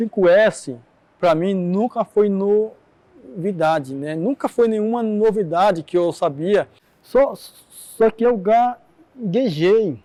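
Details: Adult man who stutters, interviewed in a documentary on stuttering; audible repetitions; stuttering.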